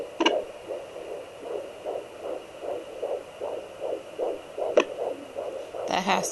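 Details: Fetal heartbeat on home fetal Doppler at 13 weeks 5 days of pregnancy: rapid, regular whooshing pulses about 155 a minute, with sharp bumps and crackles the mother attributes to the baby moving.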